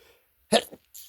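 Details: Person deliberately holding back sneezes, reporting strong, itchy urges: a single abrupt, muffled burst with a short trailing puff; stifled sneeze.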